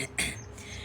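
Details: Repeated throat clearing from a person with laryngopharyngeal reflux (silent reflux) who has postnasal drip and mucus.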